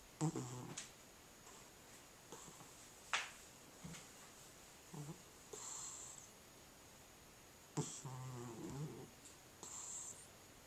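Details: Snoring in a sleeping cat: soft, irregular snorting and rattling breaths, about 20 a minute, in a quiet room.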